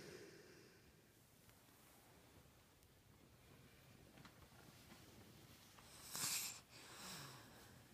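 A sleeping dog breathes quietly in a small room, then gives one sharp nasal snort and a noisy exhale, part of ordinary dog snoring.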